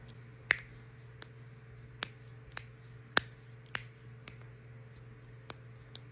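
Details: Person with Ehlers-Danlos syndrome cracking their knuckles: a series of sharp, irregular pops from finger joints, about nine over six seconds, over a steady low hum; joint cavitation.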